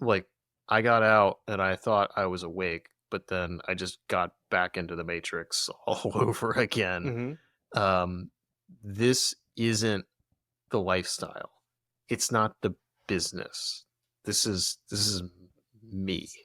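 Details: Adult male speaker; no speech disorder.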